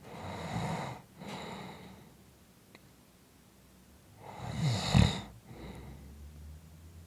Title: 5 Minutes of snoring Audio